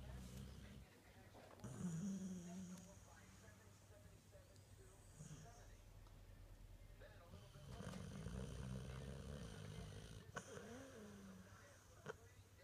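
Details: Sleeping, deeply knocked-out bulldog: low, rattling snorts repeating with each breath, faint room sounds; snoring.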